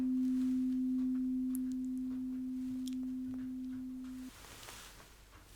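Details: Tuning fork placed behind the ear during a simulated ASMR cranial nerve exam hearing test: a steady, pure low hum slowly fading over four seconds before it is stopped.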